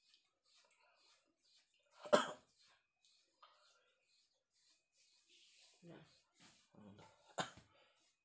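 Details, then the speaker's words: Adult man with masuk angin, feeling feverish and unwell in rainy weather, coughing at dawn during kerokan scraping by his wife: one loud cough and a second cough, with quiet throat noises and breathing. "Menangis tuh batuk-batuk."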